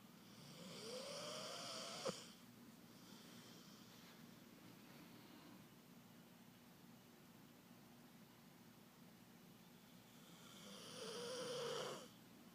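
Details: Snoring during sleep: two slow, rasping snores about ten seconds apart, with quiet breathing between them.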